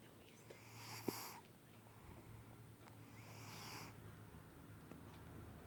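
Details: Sleeping cat snoring softly with slow airy breaths over a low background hum; owner says he snores every time he falls asleep.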